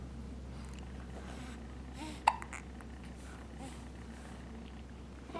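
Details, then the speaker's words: 3-week-old infant during tummy time: one sharp, abrupt hiccup with faint infant breathing and soft room hum; infant hiccup. "Yeah, are we doing some tummy time? And also having the hiccups?"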